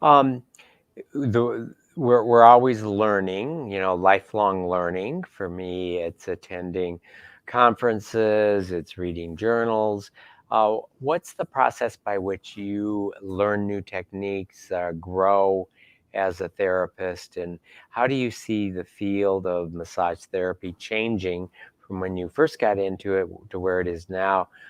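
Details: Adult male speaker; normal speech.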